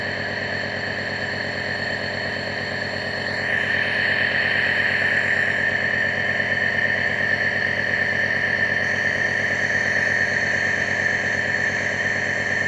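Steady buzzing motor hum with a whistling hiss of airflow, the running sound of a nebulizer compressor.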